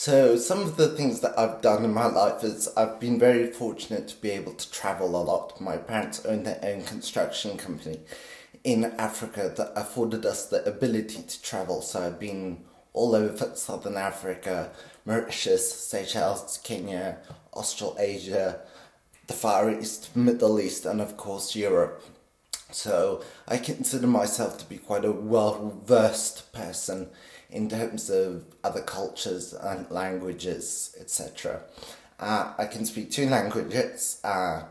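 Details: 50-year-old man with essential tremor since birth, very pronounced in his voice; deep brain stimulation at age 24 helps stabilize it but is not a cure; essential voice tremor.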